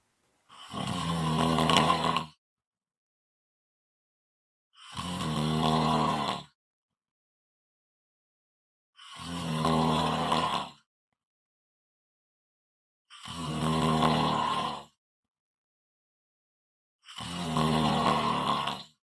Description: ASMR Snoring Sounds. This is a quick 3-minute clip, followed by a previously recorded one